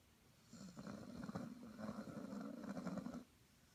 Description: ann bao the chinese sharpei snore